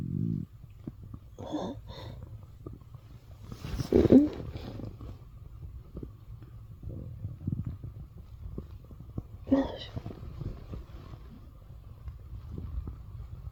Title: morning stomach growls【turn your volume up】